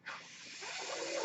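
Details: Steady airy hiss building over about a second as the speaker's own mechanical ventilator delivers a breath while he talks, a mechanical ventilator airflow sound.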